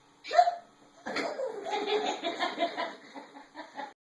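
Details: One sharp, squeaky hiccup followed by a run of bubbly giggling, a hiccup during laughter; hiccups.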